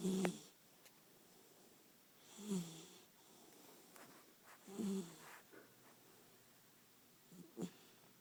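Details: Sleeping 14-week-old chocolate Labrador puppy snoring: soft, faint snoring breaths with small squeaky noises in a quiet room.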